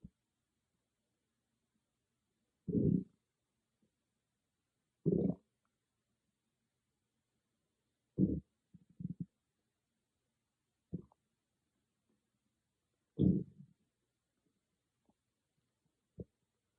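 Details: Stomach growling recorded on an iPhone without a special microphone: low, gurgling growls in short bursts every few seconds, some loud, with silence between; ordinary borborygmi.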